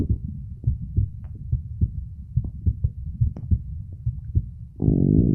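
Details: Muffled low thumps at about 70 a minute, uneven in loudness, ending in a loud rubbing push, from a male self-recording with a phone at the chest auscultation spots; normal heartbeat.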